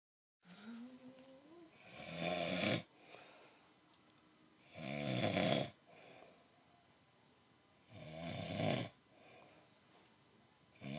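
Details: Adult man (the filmer's dad) snoring in his sleep: loud, rough snores about every three seconds, roughly 20 a minute, with quieter breathing between; ordinary heavy snoring.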